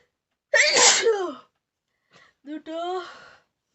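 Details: Sneeze provoked during a nose sneezing challenge: a sharp, forceful sneeze followed after a pause by a short second burst.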